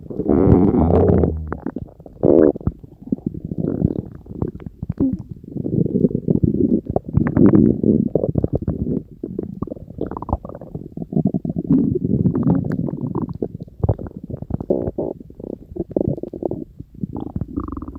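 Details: Loud, continuous gurgling and rumbling from the belly with bubbly, squelching bursts; normal bowel sounds, stomach growling (borborygmi).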